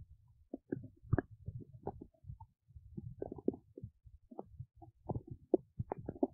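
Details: Adult woman's belly while digesting oats: bursts of gurgling and bubbling abdominal rumbles close together, with brief quiet gaps. Ordinary bowel sounds of digestion.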